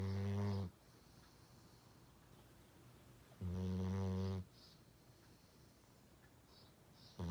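Loud buzzing snores about every three seconds with quiet pauses between, a rate of about 20 breaths a minute; ordinary snoring.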